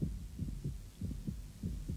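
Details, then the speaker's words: Cartoon heartbeat of a child patient in hospital heard through a doctor's stethoscope on her chest: soft regular low thumps, about six in two seconds, judged good. "was listening to heart beating good he said"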